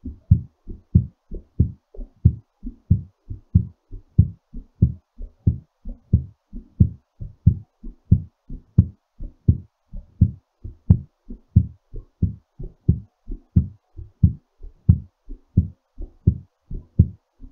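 Strong, quick paired heart thumps at about 90 a minute, a heartbeat still settling after exercise.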